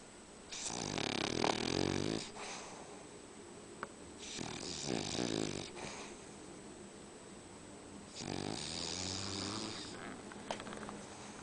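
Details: Snoring from a sleeping, possibly dreaming furry pet dog: three long rattling snores on the in-breath with quiet out-breaths between, about fifteen breaths a minute, in a quiet room.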